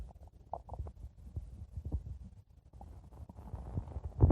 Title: stomach growling 4 minutes